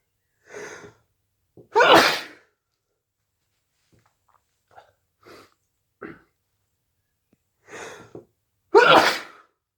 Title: Induced hayfever sneezes